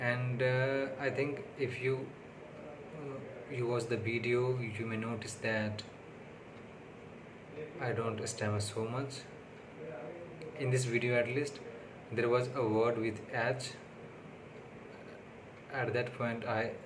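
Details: Adult man who stammers, on day six of speech therapy, speaking unscripted in English, which is not his primary language; finding: stuttering.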